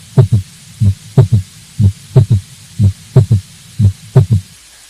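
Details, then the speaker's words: Regular heartbeat about 60 a minute with a soft low extra sound just after S2, a three-beat gallop from passive early ventricular filling with blood striking a very compliant left ventricle: S3 heart sound (ventricular gallop). "the s3 sound is actually produced by the large amount of blood striking a very compliant left ventricle"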